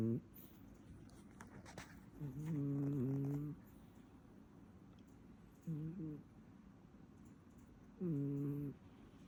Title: Nebelung cat snoring